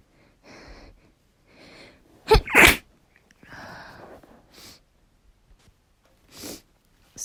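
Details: Female's mix of sneezes with hitching and build-ups, ending with a nosebleed: quiet breathy build-ups, two loud sneezes close together, then softer sniffles and a small stifled sneeze; sneezing.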